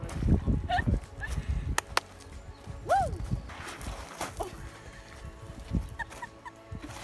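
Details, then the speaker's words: Abrupt, brief vocal outbursts ("wow", "hey") with swooping pitch and sharp claps, plus head jerks, in bursts during a 2018–2019 tic flare-up, then called FND tics, later diagnosed Tourette syndrome; vocal and motor tics. "i'll put in a clip now this video is from 2018 or 2019 this was during the tick flare up so i'll show you"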